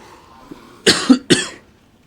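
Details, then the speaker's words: Two short, sharp coughs from an adult with no wet rattle; the speaker says the coughing is not mucousy but a dry irritation in the throat: dry cough. "you can hear that I don't like my coughing is not mucousy it's just I think it's like a dry sort of thing going on in my throat"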